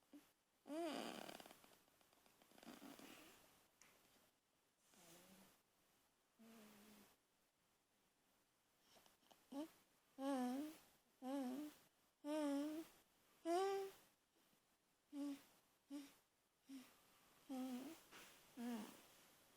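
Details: A child sleeping in a quiet room, making soft snoring, grunting and squeaky, wheezy-sounding breathing noises in short bursts; sleep noises.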